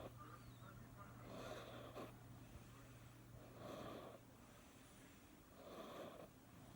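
Three soft, hissing snores about two seconds apart over a steady low hum. Quiet snoring in a sleeping cat.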